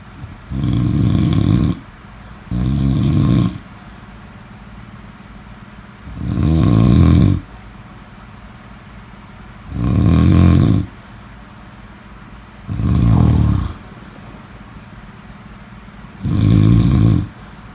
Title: #snoring #snoringsleepingsoundeffect #snoringsounds #sleepsounds